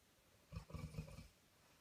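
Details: A single deep, rattling, fluttering snore lasting under a second from a sleeping Newfoundland dog, against quiet room noise.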